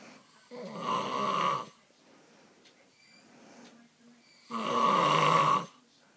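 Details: Adult man's very loud, constant all-night snoring: two loud, harsh, rattling snores about four seconds apart, roughly 15 breaths a minute, with quiet between.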